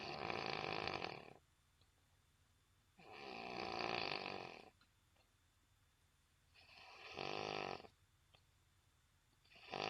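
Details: Snoring at noon: steady, rough snores about every three seconds, around 20 breaths a minute, with quiet pauses between them in a still room.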